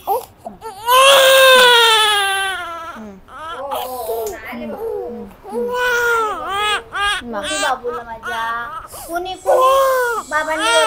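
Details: Baby girl crying right after ear piercing: loud, drawn-out wailing cries with breaks and whimpers between, an ordinary pain cry after a brief painful procedure.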